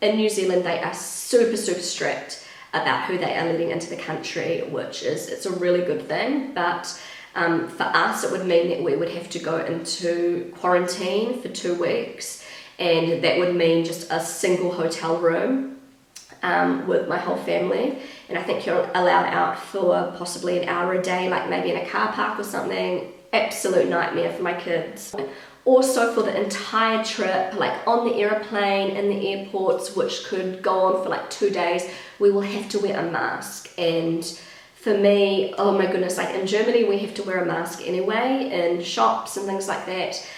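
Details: Pregnant woman with a habitually croaky, crackly voice that she says worsens whenever she is pregnant, blaming the pregnancy; she is also slightly out of breath; vocal fry (creaky voice).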